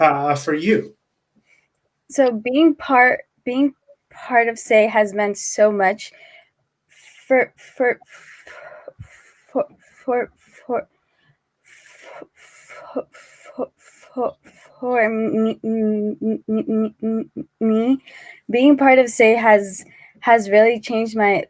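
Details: 18-year-old who has stuttered since age 4; repeated words; stuttering.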